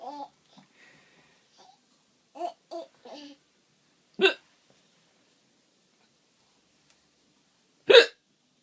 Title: Mommy has the hiccups